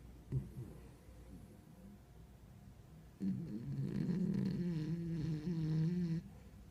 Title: 打呼的狗 Snoring Doggy